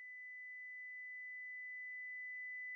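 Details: Simulated tinnitus: a phantom ringing, buzzing, whistling or purring noise heard in the ears or head, which may be temporary or permanent.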